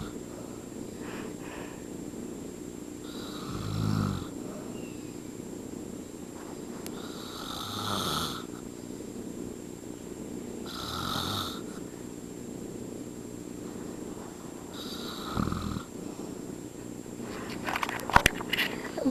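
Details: Adult step-father snoring while asleep: slow, rough snores recurring every few seconds over a low steady room hum; snoring.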